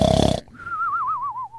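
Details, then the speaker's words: Imitated snoring by an adult: a short, rattling, throaty snort followed by a wavering whistle on the out-breath, demonstrated as an everyday body noise. "Schnarchen Schnarchen Knirschen Knirschen man kann auch mit den Zähnen knirschen"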